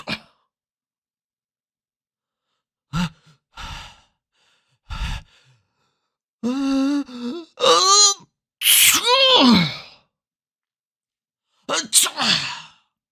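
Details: Run of short explosive sneezes in different styles, some with drawn-in breath and voiced 'achoo' release, from a sneeze sound collection of different people; sneeze.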